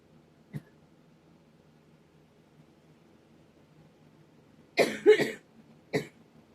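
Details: A faint click, then three short, dry coughs in a quiet room, attributed to a high pollen count that also causes sneezing; irritative cough.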